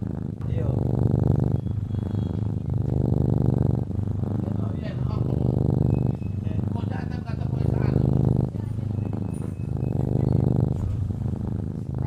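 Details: Cat sleeping soundly and snoring: steady low rumbling snores with each breath, about 20 breaths a minute, with soft music faintly behind.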